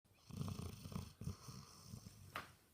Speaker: When he lays on the floor and snores, it sounds like a train coming through because I got wood floors.